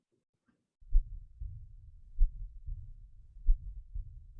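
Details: To-and-fro murmur, more common at the aortic valve: a slow heartbeat of about 48 a minute, with a murmur that grows louder through systole and a further murmur immediately after the second sound, as in aortic stenosis with regurgitation.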